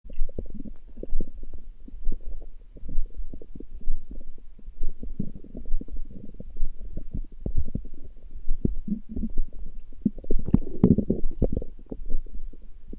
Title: Stomach growling, Урчит в животе